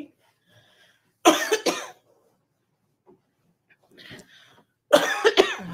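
Two separate bouts of harsh coughing, each with two or three bursts, and faint breathing between them. The cough keeps returning.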